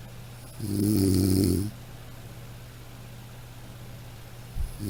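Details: Snoring from a sound-effect recording: a single deep, buzzing snore on breathing in, then a quiet pause and the start of the next snore.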